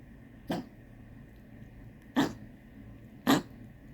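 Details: Dog diagnosed by X-rays and blood tests with collapsing trachea and enlarged heart, on heart medication and cough syrup, coughing for weeks: three short, harsh honking cough bursts against quiet room noise.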